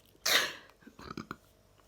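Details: Person recording their own sneezing: a single sharp, forceful sneeze burst followed by a few soft breathy sounds; sneeze.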